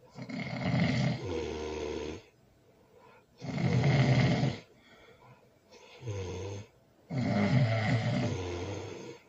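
Loud, rough, rattling snores on each breath, roughly 17 a minute, with quiet pauses between; snoring.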